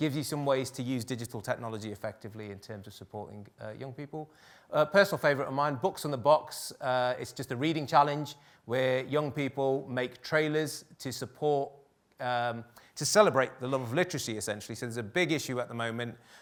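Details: Adult male speaker; normal speech.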